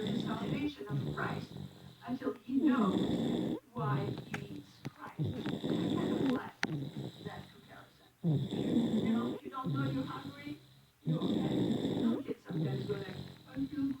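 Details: Sleeping infant snoring in church: loud, rattling snores about 21 times a minute over light room noise; snoring.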